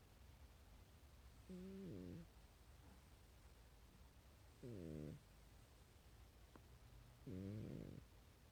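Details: A sleeping cat snores in short, whistling, falling-pitch bursts about 22 times a minute.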